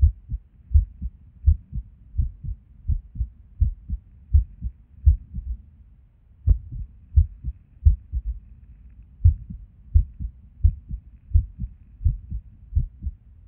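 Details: Resting heartbeat recorded at Erb's point while sitting at a desk, with frequent skipped beats: dull beats at about 80–90 a minute, unevenly spaced with a pause midway; irregular heartbeat with skipped beats.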